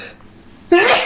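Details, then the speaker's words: Person sneezing repeatedly while recording a podcast: quiet room noise, then a sudden sharp burst with a rising vocal squeal at the end, a single sneeze. "sorry I sneezed million times I'll try and edit this out"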